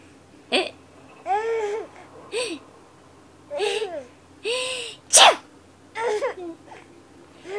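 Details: A sharp sneeze burst among an infant's repeated bright giggles and squeals; the baby laughs hysterically at the sneeze.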